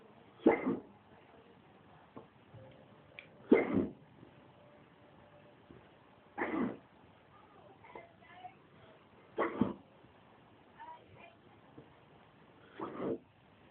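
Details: Five abrupt vocal catches roughly every three seconds, about 20 a minute, in a quiet room; bad hiccups while drunk.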